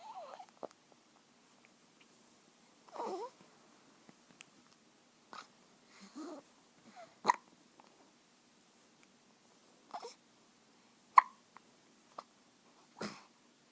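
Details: Brief, sharp hiccup-like bursts at uneven intervals, about 15 a minute, in a quiet room: hiccups.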